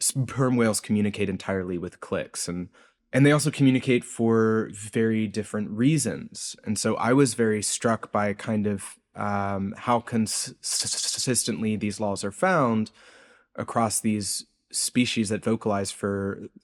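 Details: Adult man's real, self-reported speech impediment, present throughout the interview; this clip has word repetitions; disfluent speech (stuttering-like).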